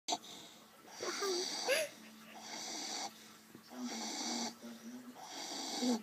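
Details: Sleeping dog in deep sleep that nothing wakes snores very loudly in rhythmic, rasping bursts with faint whistling, about 40 breaths a minute; snoring.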